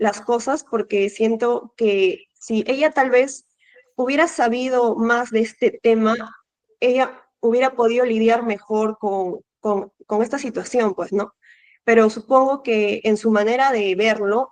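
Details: 18-year-old male Spanish speaker in speech therapy for stuttering; onset at age 5-6, recurred in first year of secondary school; reports involuntary tense mouth movements while speaking; stuttering.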